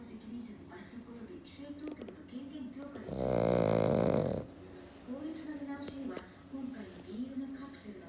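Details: Black pug dog napping, loud snorer: grunting, snorting breaths with a loud, harsh rasping snore in the middle; noisy snoring in a flat-faced dog.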